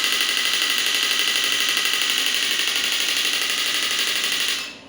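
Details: Clinical radial shockwave (ESWT) device demonstrated firing on the operator's hand at 60 Hz, low energy: loud continuous rapid buzzing pulses, stopping at the end.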